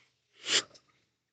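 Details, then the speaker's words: An adult at rest, taking nice deep breaths: a single loud, hissing breath through the nose, amplified by a close laptop microphone; normal deep breathing. "My breathing is I'm just taking nice deep breaths."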